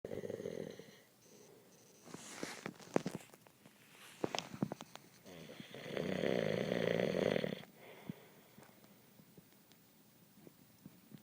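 Long, rough, buzzing breaths with a strong vibrating tone on the breath, plus faint clicks and rustling; loud snoring.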